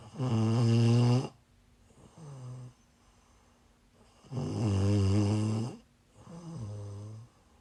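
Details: Female snoring while sick, livestreamed: loud, deep snores on each breath in, softer snores on the breath out, about 16 breaths a minute.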